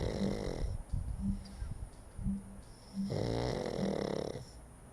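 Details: Sleeping dog after eating, snoring: repeated fluttering snores with faint short squeaky whistles between breaths.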